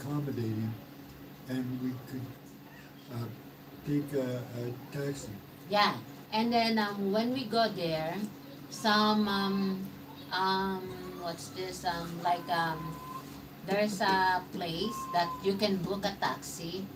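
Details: Man, 115 days into self-therapy for mild aphasia after a mild stroke; word-finding pauses, hesitations and sentence restarts; mild post-stroke aphasia.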